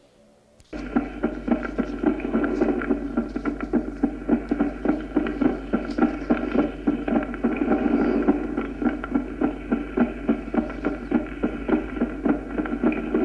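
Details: Late systolic click.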